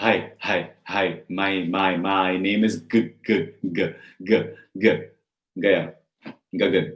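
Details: Stuttering imitated by a presenter who stammered as a child, with repeated syllables and words.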